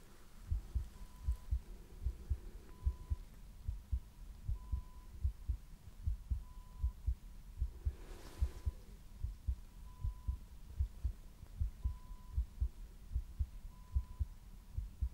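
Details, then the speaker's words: Simulated ASMR ICU nurse exam: heart listened to through stethoscope before digoxin 0.5 mg for atrial flutter; steady low thumps about 75 a minute with faint repeating beep; stated heart rate 78. "0.5 milligrams for atrial flutter. And as you know, I'm going to have to listen to your heart rate before we give you that, okay?"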